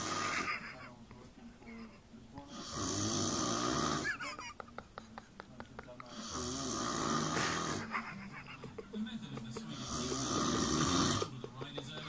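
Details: Extremely heavy snoring: very loud, harsh snores roughly every four seconds with fluttering sounds between them; someone laughing in the background.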